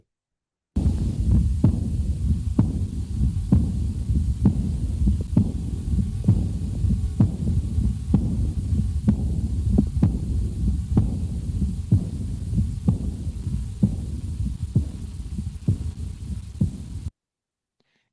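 Regular heartbeat at about 64 a minute with a soft blowing sound filling the pause after each beat: a diastolic murmur of aortic regurgitation.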